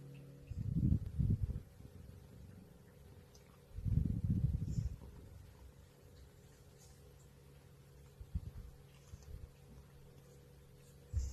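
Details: Elderly cat in deep sleep snoring: soft, low rumbling breaths every few seconds in a quiet room, two clearer and the rest fainter.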